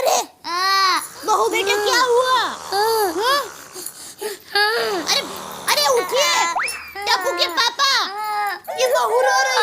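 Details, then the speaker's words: Acted crying from a Hindi TV comedy scene: loud, repeated wailing sobs rising and falling in pitch, mixed with other voices asking why she is crying and background music; simulated crying. "अरे क्या हुआ? क्यों रो रही हो बेटा?"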